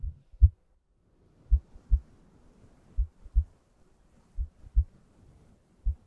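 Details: Soft, low paired thumps of a slow, steady normal heartbeat at about 55 beats a minute over a faint hum, from an ASMR relaxation and sleep heartbeat recording.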